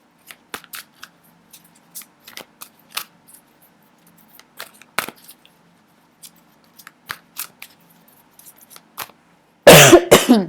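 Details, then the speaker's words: A single loud, harsh cough after a stretch of soft clicking and rustling; the speaker attributes the cough to the air conditioning running in the room. "Excusez-moi. Je pense que c'est la clim qui me fait tousser."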